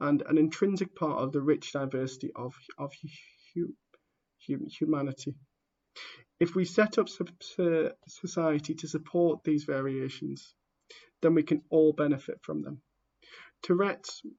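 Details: Stammering in a person who stammers, heard while reading a book introduction aloud.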